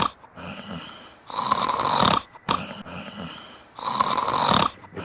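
Loud, rough, rattling snores on each breath, about 24 a minute, with quieter breathing between them. Ordinary snoring.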